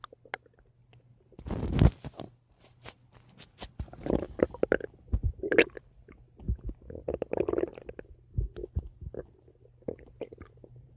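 Irregular gurgling and rumbling bursts over a faint steady hum; ordinary stomach rumbling (borborygmi) from gas and fluid moving through the gut.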